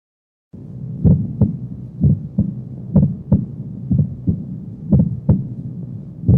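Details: Split first heart sound (S1): steady heartbeat at about 63 a minute with a slightly doubled first sound, thought to be mitral closure followed by an aortic ejection sound; often normal.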